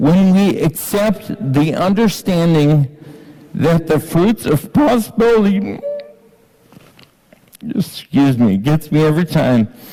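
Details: Ataxic dysarthria in an adult man with Friedreich's ataxia diagnosed at age 17, heard while reading aloud.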